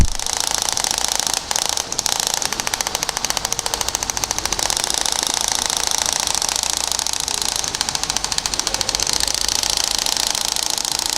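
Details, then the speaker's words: Shock wave therapy on the foot for plantar fasciitis, using a flat 15 mm linear head over the plantar area: loud, rapid mechanical tapping pulses, about 140 a minute, as the shock wave device fires during treatment. "very very simple linear because it's flat and the energy will actually go straight into the skin and you'll see how quick the treatment is"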